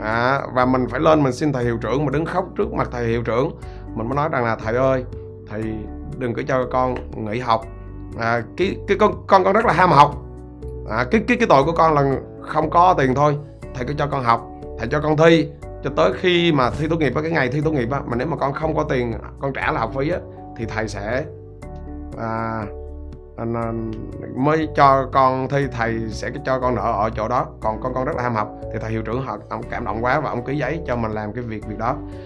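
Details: Adult man who says he has stuttered since at least his school years and that the stutter barred him from applying to a teacher-training university; stuttering.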